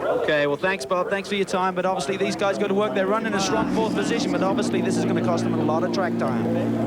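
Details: Adult male commentator; normal speech.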